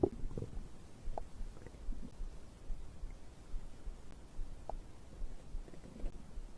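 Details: Soft low gurgles and brief bubbling squelches over a dull rumble; stomach growling, normal digestive bowel sounds recorded after drinking a beverage.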